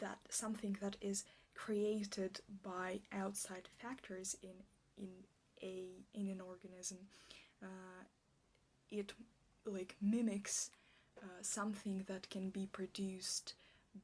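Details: Stuttering with word repetitions in an ASMR roleplay by a female speaker, who states she stutters like this in real life.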